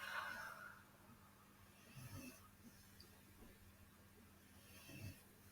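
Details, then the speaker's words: Dog snoring while sleeping comfortably in the background: faint, low rumbling snores about three seconds apart over a quiet room with a steady low hum. "i apologize if you can hear doggy snoring in the background but she's very comfy and i don't have the heart to move her"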